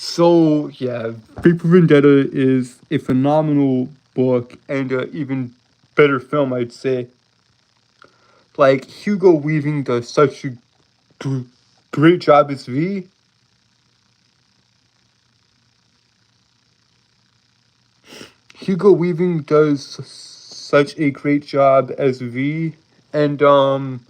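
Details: Lifelong speech impediment present since birth in an adult male, who holds syllables rather than repeating sounds; stuttering with prolongations and blocks.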